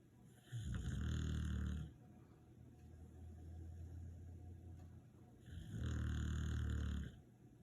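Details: Two deep, rumbling snores on the in-breath, with a quieter out-breath between them: ordinary snoring.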